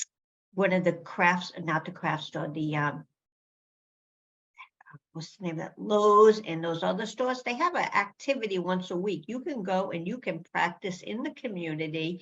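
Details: Female speaker living with aphasia, showing word-finding difficulty; aphasia (word-finding difficulty).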